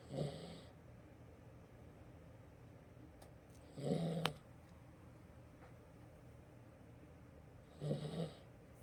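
Three short, snorting snores about four seconds apart over steady room hiss; a sleeping cat snoring.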